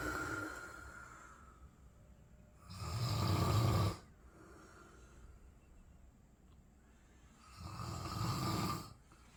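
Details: Tired dad sleeping beside his 2-month-old baby; two loud, low, rumbling adult snores about five seconds apart with quiet breathing between: snoring.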